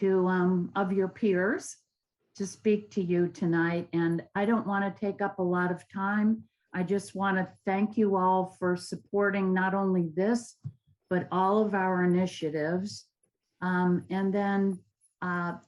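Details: Adult woman speaking to an audience; normal fluent speech.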